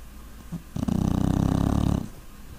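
A single loud, rattling, fluttering snore lasting over a second, with a faint rumble before and after it. Snoring.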